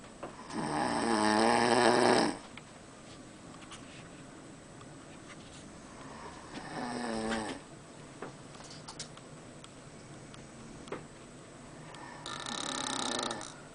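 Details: Adult man (father) asleep on a cruise to Alaska: three loud, buzzing, tonal vibrating snores with pauses of several seconds; steady background hum.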